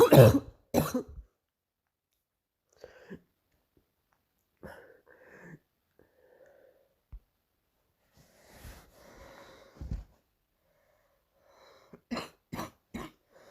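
Two harsh coughs open, then quiet breathing and throat noises, and a closing run of three more coughs: recurring morning cough in an adult.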